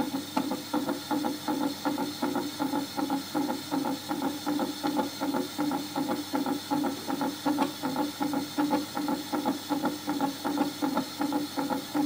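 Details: Water flea (Daphnia) heartbeat sonified by focusing coherent laser light on the heart, with scattered-light intensity and Doppler beating fed to a loudspeaker: rapid, steady buzzing pulses at about 160 per minute.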